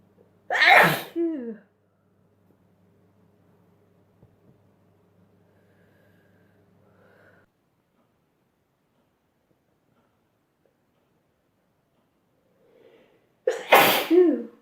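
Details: Two loud sneezes, at the start and the end, separated by a long quiet stretch with faint room hum; sneezing from a sneezing compilation.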